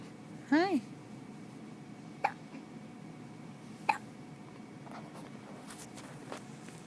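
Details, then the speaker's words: Infant boy with ordinary hiccups: short, sharp, regular hiccup sounds about every one and a half seconds, with a brief vocal squeal. "See, the hiccups are making me tired. My bad."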